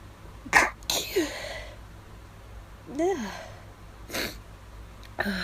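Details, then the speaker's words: Induced, stifled allergy sneezes after hours of nasal itch: several sharp suppressed bursts with a whimpering breath between them over steady room hum; repeated sneezing. "These are getting hard to stifle. Ugh."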